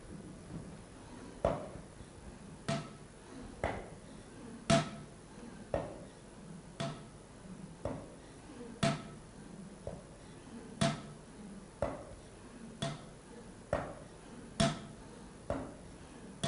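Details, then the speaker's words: Spirometer calibration in a pulmonary function lab: a 2-litre calibration syringe is stroked through the device, giving regular thuds about every second with soft air noise between. "entonces con una jeringa de dos litros nosotros vamos a hacer emboladas para qué para que el el aparato la reconozca con una medida"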